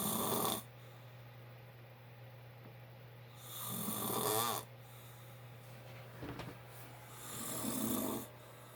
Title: My dad snoring loud